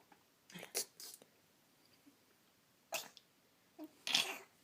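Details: Night-time sneezing with daddy: several quiet, hissing bursts in a hushed room, a series of soft sneezes.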